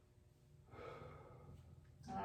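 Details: Student physical therapist auscultating the posterior chest just medial to the scapula of a seated patient sitting tall and taking big deep breaths through the mouth; normal breath sounds.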